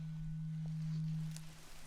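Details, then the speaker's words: Simulated nurse ear-exam roleplay: a tuning fork struck for the Weber hearing test gives a steady, pure low hum that slowly fades; tuning fork tone. "All right, so let's do the Weber test first. I'm just going to hit my tuning fork"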